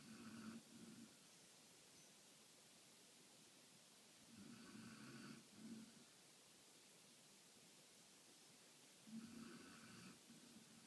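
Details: Light snoring during sleep: soft, rough breathing noises recurring every few seconds over a quiet hiss.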